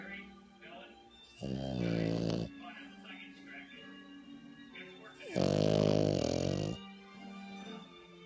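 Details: Sleeping 5-month-old French bulldog puppy snoring: two drawn-out, vibrating snores a few seconds apart, with faint music and talk in the background.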